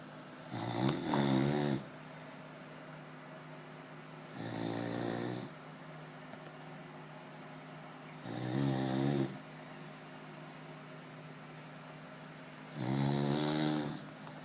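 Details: Beagle napping in the afternoon: four long, rattling, low-pitched snores about every four seconds, roughly 15 breaths a minute, over a steady background hum; snoring.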